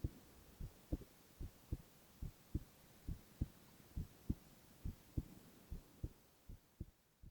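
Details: Male ASMR recording of his own heart: steady, regular paired lub-dub beats at about 72 per minute, evenly spaced with no extra sounds; normal heart sounds.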